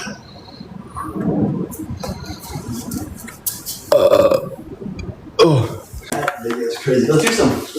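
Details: Several loud, low, rumbling belches mixed with talking and room noise during a livestream burping compilation; burping.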